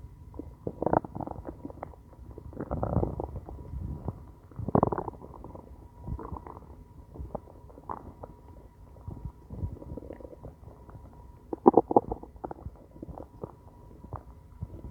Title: Hungry stomach growling